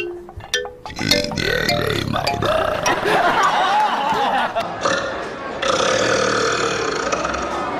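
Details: Compilation of a man's deliberate burps: a run of loud, drawn-out belches in quick succession, with background music and people reacting; burping.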